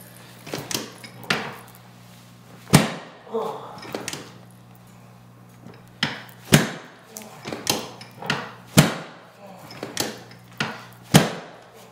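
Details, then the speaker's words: Prone adult patient with lower back pain and tingling, sacral apex found rotated right; about a dozen loud wooden thuds from chiropractic drop-table adjustments with clockwise torque, over a steady low hum. "so i'm going to do some drops we're going to drop it down and i'm going to put that clockwise torque on it just to bring it back to midline"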